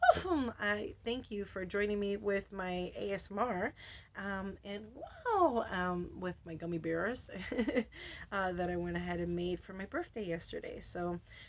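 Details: Adult woman with Tourette syndrome; vocal tics ('wow', 'whoa') and repeated words interrupt her speech, with tics very active since a medication change and also triggered by light. Finding: Tourette syndrome with vocal tics.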